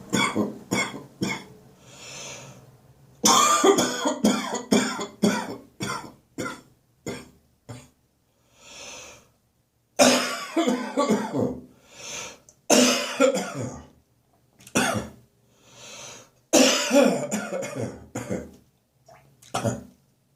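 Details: Adult waking in the summer morning with a recurring congested cough: repeated bouts of rapid wet coughing separated by deep breaths in.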